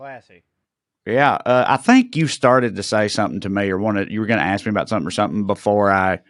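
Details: Adult man speaking; ordinary speech.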